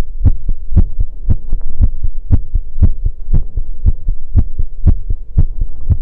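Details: Heartbeat recorded after running: fast, regular low thumps in paired beats at about 118 per minute, a normal quickened heartbeat after exercise.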